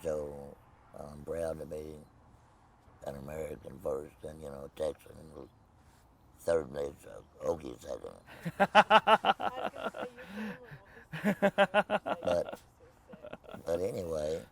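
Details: Tracheoesophageal speech in an adult man after total laryngectomy with no voice box, speaking with a Provox voice prosthesis.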